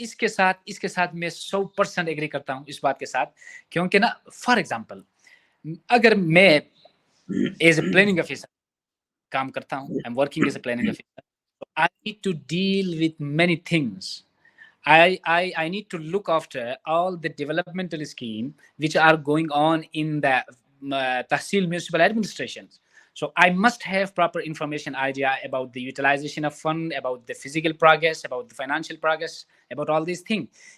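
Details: Stuttering in an adult man who stammers, has worked on his stammer, but still stutters at times, e.g. when his boss is upset with him; stammering kept him from regular schooling.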